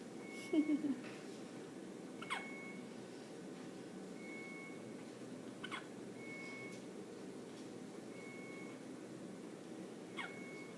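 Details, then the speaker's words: Hiccups in a 7-day-old newborn girl, recently increased to 15 cc of breast milk: three sharp, brief hiccups every three to four seconds, about 15 a minute, over room hum with faint beeps. "Poor baby's got the hiccups. Oh. They're so cute."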